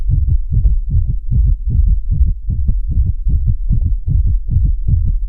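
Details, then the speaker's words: Heart sounds from a simulator in an internal-medicine teaching demonstration, played after the normal heart sound: fast, regular paired sounds at roughly 140 to 150 a minute; sinus tachycardia. "now I'm gonna turn on how it feels like when the heartbeat is fast can you please turn it on"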